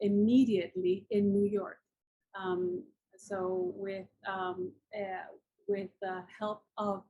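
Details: Adult woman with aphasia after a massive combined ischemic and hemorrhagic stroke 10 years ago, with coma and locked-in state; nearly a year passed before she could speak; writing still impaired; aphasia.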